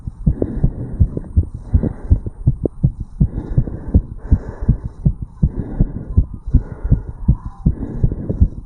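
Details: 35-year-old male's heartbeat recorded at the tricuspid valve area after jogging uphill: fast, regular heartbeat with paired lub-dub thumps, roughly 80 beats a minute; heart sounds after exertion.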